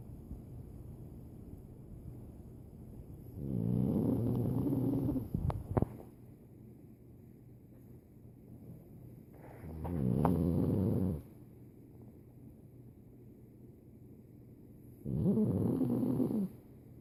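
Three loud, rumbling snores on the in-breaths, about one every six seconds, with quiet pauses between; snoring from a flat-faced dog.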